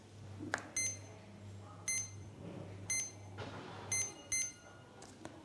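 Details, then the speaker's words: Series of three short electronic beeps, with low room hum, as a Legacy PCA morphine pump for acute pain is inactivated with the on/off key before a cassette change. "Pour cela, appuyez sur la touche activer inactivé. Vous entendrez une série de trois bips. La pompe est inactivée."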